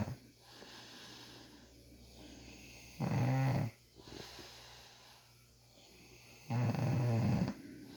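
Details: Man having tough ingrown beard hairs treated, snoring loudly: two loud, rough snoring breaths about four seconds apart over quiet room noise.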